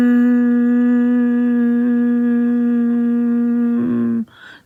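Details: Woman with muscle tension dysphonia doing a humming exercise, her second demonstration of it; voice break (crack) during humming.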